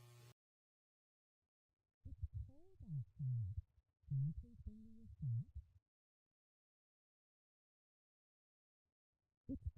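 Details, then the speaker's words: Simulation of how speech sounds to a child with severe to profound sensorineural hearing loss: a sentence heard muffled and low-pitched with the crisp consonants stripped away. "The first sentence is an example of how speech may sound for a child with severe to profound sensorineural hearing loss."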